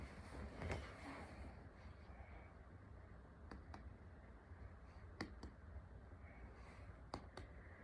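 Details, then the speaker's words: Abdominal percussion over the liver and spleen during a focused abdominal assessment, listening for dullness and outlining the liver borders. "now i'm going to percuss the liver and feel for borders as well as percussing the spleen i'm listening for dullness"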